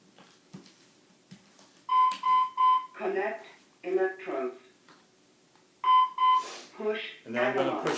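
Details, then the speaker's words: Training automated external defibrillator at a public CPR/AED demonstration: after electrodes are applied and the yellow analyze button is pressed, beep tones and repeated recorded spoken voice prompts, simulated use, AED voice prompts. "analyze button the yellow button on this machine and the machine is going to take over it's going to tell me it's not my doing"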